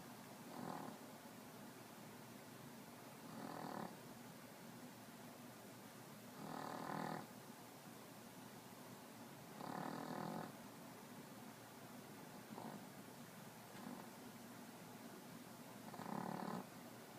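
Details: Sleeping puppy snoring: soft, regular snoring bursts about every three seconds, roughly 20 per minute, over steady room hiss; snoring.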